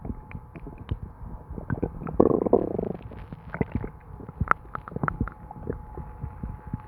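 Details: Continuous low gurgling and bubbling with irregular clicks and pops and a louder rumbling burst midway from a person's stomach; borborygmi.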